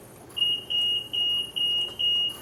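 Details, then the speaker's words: Five evenly spaced high-pitched beeps from an Infant Star infant ventilator's high-pressure alarm after a PEEP setting adjustment, with a louder, more active hissing high-pressure relief valve, in an educational demonstration. "So it's beeping at us, saying, hey, you got a problem here."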